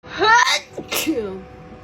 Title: sneeze attack pt. 2 edit loop 5 ½ minutes. #sneezing #allergies #blackgirl #funny